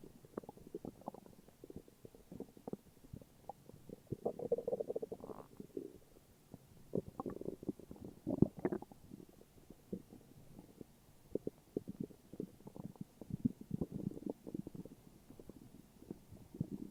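Low, irregular gurgling and rumbling bowel sounds in bursts throughout; ordinary stomach growling.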